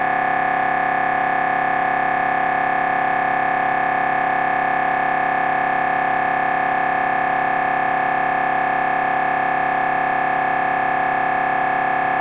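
Steady, loud, rapid mechanical buzzing with fast regular pulsing, about 170 a minute, typical of an MRI scanner running a brain scan sequence.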